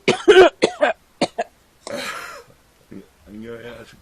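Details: Collection of performed adult cough sounds: a run of about six short, sharp coughs, then a breathy exhale and a voiced groan.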